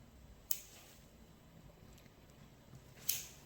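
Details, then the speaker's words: Nippers cutting a very involuted, curved ingrown toenail on a man with nail bed recession from years of overcutting, during podiatry treatment; two crisp snapping clicks about 2.5 seconds apart over quiet room noise. "Yeah, so you want to keep that the screen right in the middle. And go like that. So let me cut that."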